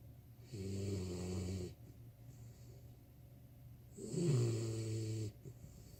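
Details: 4-month-old puppy snoring while asleep under a desk: two slow, low rumbling snores with quiet breathing between them.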